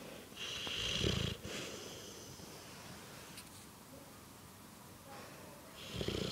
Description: Two big English bullmastiffs laid on the sofa snoring x